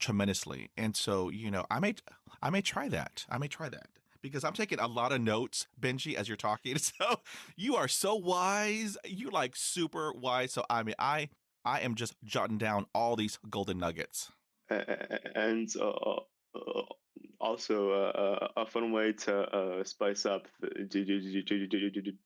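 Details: High school senior male with real developmental stuttering that began severely at age 10, in speech therapy for six years; stuttering.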